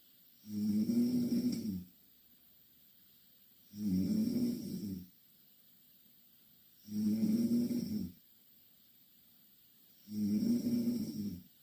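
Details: Snoring from two Korean girls sleeping in the same bed: four loud, even, buzzing snores about every three seconds, roughly 19 a minute, with quiet exhalations between.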